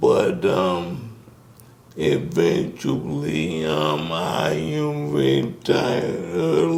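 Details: Man in his 60s with ALS; symptoms began in 2017 with a raspy voice, diagnosed in 2020; the disease started by affecting his speech, and he speaks with a delay; dysarthria due to ALS.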